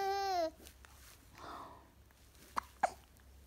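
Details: Wide-eyed infant with hiccups: a short vocal sound, then two sharp hiccups a moment apart in a quiet room; hiccups.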